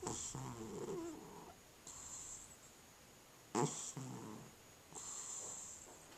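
Soft, rhythmic whistling snores with each breath, about three cycles in six seconds; normal snoring in a sleeping cat.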